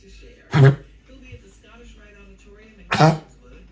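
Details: Cough from a dog: two separate harsh, forceful coughs a few seconds apart, in a quiet room.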